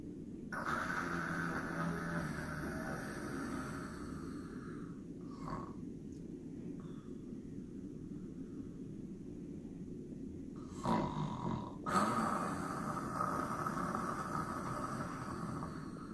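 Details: Patient near death with noisy, rasping breaths of a coarse rattling quality: death rattle (terminal respiratory secretions).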